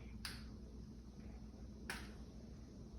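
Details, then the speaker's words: Two sharp plastic clicks as the gray cap is pulled off a locked Mounjaro injection pen by a 66-year-old diabetic giving a first self-injection, exposing the needle. "That was noisy. Oo. And there's the needle."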